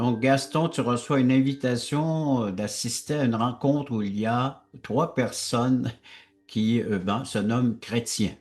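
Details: Adult male speaker; typical speech.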